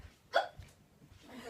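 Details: A single sharp, abrupt hiccup in a quiet room, with faint low background noise: a girl with the hiccups.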